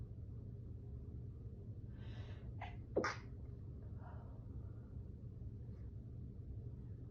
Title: Sneezing while cleaning